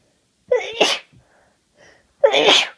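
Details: Day one of a head cold, with sniffling and nose blowing: two forceful sneezes with a quiet sniff between them.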